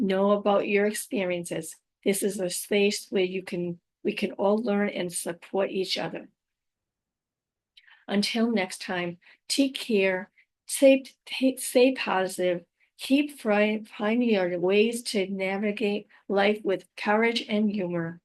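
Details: Adult woman with aphasia, apraxia of speech and dysarthria after a stroke about five years earlier; she says her speech can sometimes be hard to understand; finding: aphasia with apraxia of speech and dysarthria.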